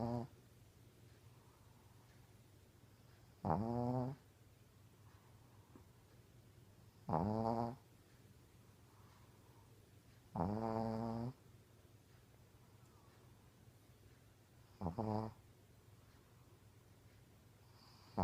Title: Snoring shih tzu